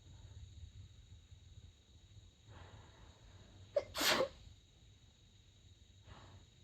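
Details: Person trying to sneeze quietly in the middle of the night, covering sneezes with a light blanket, during a long fit of 32 sneezes: a quick indrawn breath, then one sharp, partly stifled sneeze.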